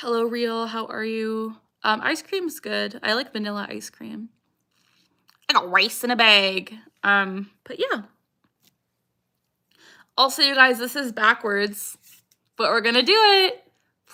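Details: Young woman with Tourette syndrome; recurring vocal tic "I got rice" along with other vocal tics during a livestream; vocal tics (Tourette syndrome).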